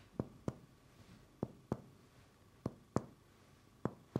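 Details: Respiratory examination of an adult male patient by a medical student: paired hollow percussion taps on the front of the chest, a normal resonant note over healthy lung.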